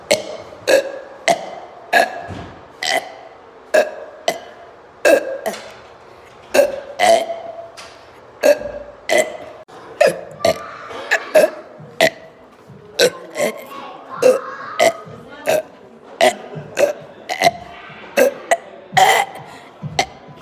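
Repeated loud burps, about thirty in twenty seconds, each a short throaty belch with quiet gaps; music faintly behind.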